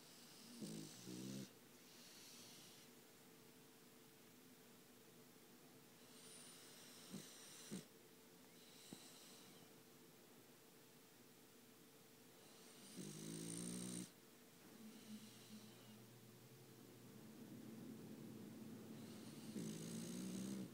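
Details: Quiet, raspy snorts and soft snoring breaths, some with a faint hum, against steady background hiss from a sleeping French bulldog; snoring.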